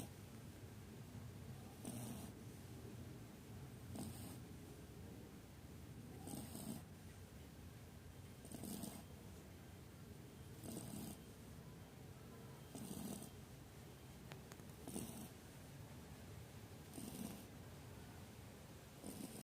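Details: Shih Tzu puppy snoring: soft, regular snoring breaths about every two seconds, roughly 28 a minute, over a steady background hum.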